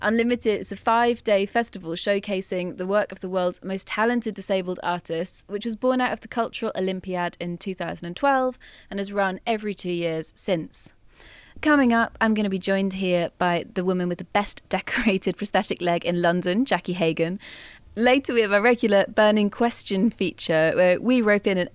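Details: Adult woman presenter; normal fluent speech.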